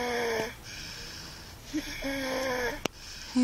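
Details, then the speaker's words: Male sleeper snoring in a van: loud sleep breaths, each with a steady whistling, musical tone, a snore with a wheezy whistle. "He's loud, isn't he?"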